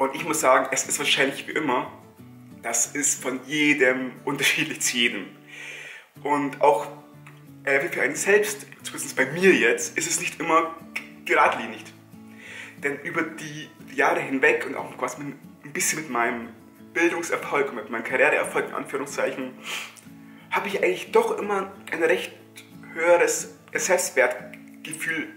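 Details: Stuttering in an adult German-speaking man, who says stress makes it worse.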